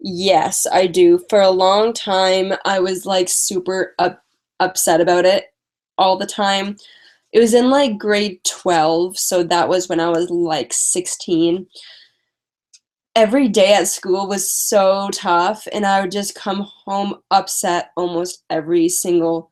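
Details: Woman with a stutter who uses strategies such as prolonging words and talking slowly, currently very tired; stuttering.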